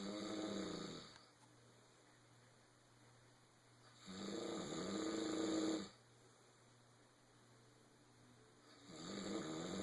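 Rough, rattling snores on each breath in, roughly 13 breaths a minute, with quiet gaps between: ordinary snoring.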